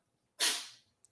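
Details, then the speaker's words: Pet cat with repeated bouts of sneezing heard in the background; a single sharp, hissy sneeze within a run of sneezes: sneezing. "all were wondering what that noise in the background is it's my sweet little shootie it's my little shooty baby oh you hear all those sneezes yeah she's very very shooty"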